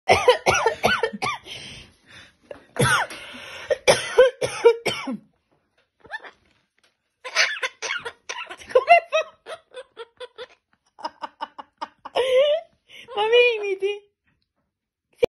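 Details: Parrot mimicking its owner's cough in repeated bursts, with whistled and squeaky bird calls between; cough imitation by parrot.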